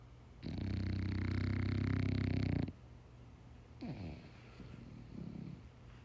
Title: Dog snores like human